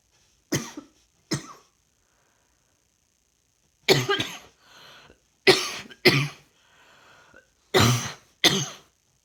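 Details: Coughing while trying to work, feeling rather hot: six sharp, dry-sounding cough bursts, some in pairs, with faint breaths between in a quiet room.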